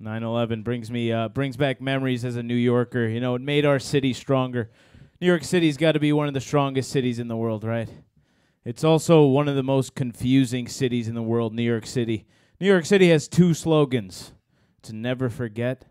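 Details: Adult man, stand-up comedy monologue; normal speech.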